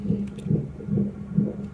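Rapid, regular whooshing pulses at about 140 a minute, a normal fetal heartbeat picked up by ultrasound Doppler.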